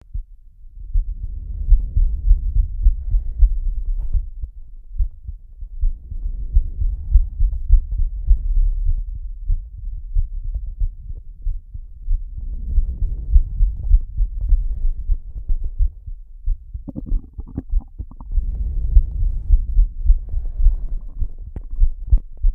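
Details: Heartbeat labeled as slow, with heavy breathing: quick, steady, low thumps at roughly 100 a minute under slow, heavy breaths.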